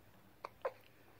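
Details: Young grandson, a baby, with hiccups while trying to talk: two short, abrupt catch sounds a fraction of a second apart in a quiet room.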